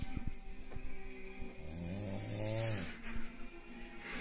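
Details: Mother sleeping: a loud, rumbling, droning snore on the in-breath with buzzing vibration, over background music; snoring.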